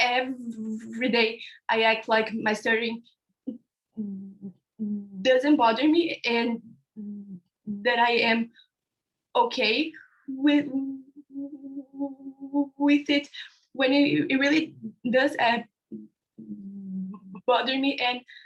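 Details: Young panelist from India who stutters (stammers), speaking about his own experience on a live online panel of young people who stutter. Stuttering.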